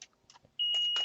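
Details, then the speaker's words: Single sustained high-pitched electronic beep after a faint clatter, as a second oxygen concentrator kicks in during glassblowing at a torch. "That noise, that beeping noise you just heard is my second oxygen concentrator kicking in."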